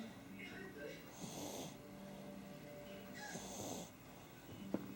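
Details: Baby snoring while sleeping, described as a symptom: soft, rattly snoring breaths about 28 per minute over a steady background hum.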